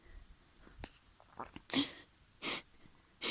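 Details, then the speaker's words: Simulated female role-play with a feather tickling the nose: small sniffs and catches, then three sharp, hissing sneeze bursts in quick succession. "You want to tickle my nose with it? Why? You enjoy letting people sneeze?"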